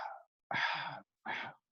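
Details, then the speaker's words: Early diastolic blowing murmur of aortic regurgitation: breathy, soft, fading blowing bursts that imitate the aortic diastolic murmur. "Este es el soplo diastólico aórtico."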